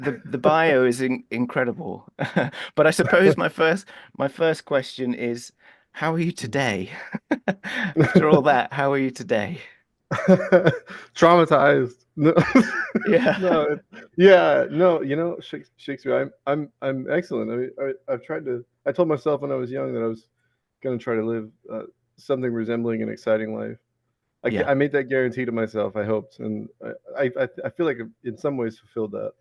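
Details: Involuntary vocal tic, a repeated word mid-sentence, in a 34-year-old man with Tourette syndrome and ADHD.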